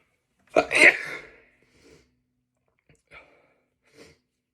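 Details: One loud, sharp sneeze burst followed by a few faint breaths and small sounds in a quiet room; ordinary sneeze.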